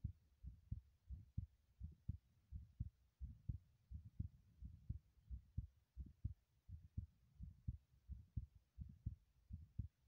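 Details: Own heartbeat recorded while running in a bathroom: steady, paired low thumps at about 85 beats a minute with faint room hum; heartbeat during exercise.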